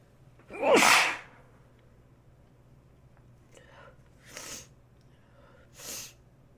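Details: One loud sneeze, then two softer sneezes, against low room hum; plain sneezing.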